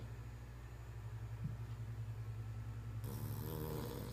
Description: Hilarious dog snores